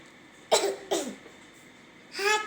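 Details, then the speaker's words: Demonstration coughs into a cough pocket to stop germs spreading: two short, sharp cough bursts close together, then a third voiced cough-like sound after a pause; cough. "We cough in our cough pocket. In that way, we can prevent the germs from spreading."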